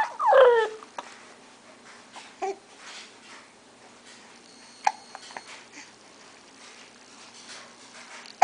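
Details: Someone with hiccups, going from happy to upset: a brief vocal sound, then a few short, sharp hiccup catches at irregular intervals in a quiet room.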